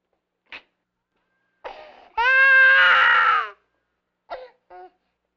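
Short fussy sounds build into a sustained wailing cry lasting over a second, then brief whimpers; an ordinary infant cry.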